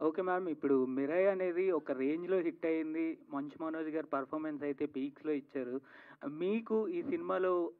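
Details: Adult speaker; normal voice.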